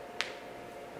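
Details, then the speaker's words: Voluntary finger joint cracking by a person with Ehlers-Danlos syndrome: a single sharp click against quiet room noise. "Another way I crack my fingers is I sometimes go like that."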